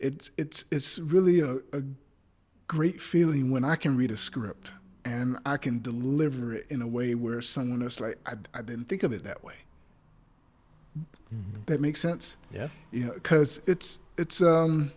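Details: Adult male actor with a speech impediment (stammering), stuttering while recalling past theater work; he notes he is not nervous at this point: stuttering.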